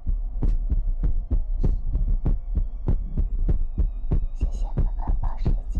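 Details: ASMR livestream with mouth sounds, finger guidance, ear picking and water-drop bottle: steady low thumping at about 95 beats a minute with faint hum and soft mouth sounds; heartbeat.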